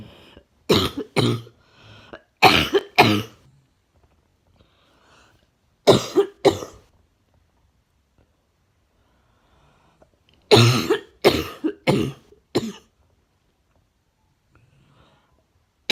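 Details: Four short bouts of sharp, dry-sounding coughs, about ten coughs in all, in a quiet room.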